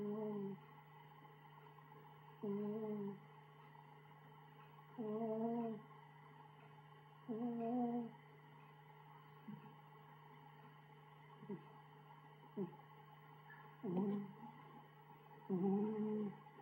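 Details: Short, humming, whistle-like snores repeating about 30 a minute, somewhat uneven, in a quiet room: a sleeping cat snoring; possibly developing obstructive sleep apnea.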